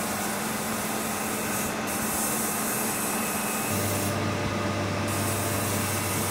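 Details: Radiotherapy linear accelerator for cancer treatment running: continuous loud rushing noise with a steady low hum that shifts pitch partway.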